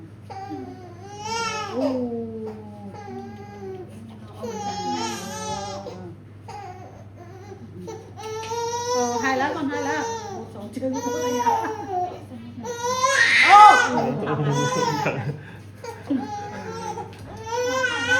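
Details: 3½-month-old baby boy after a routine vaccine injection, crying and fussing in bursts with adults talking over him; an ordinary distressed cry after vaccination.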